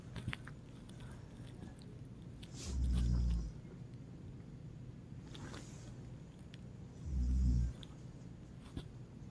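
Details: Mother snoring: deep, rumbling snores on breathing in, two in nine seconds, over a quiet room hiss.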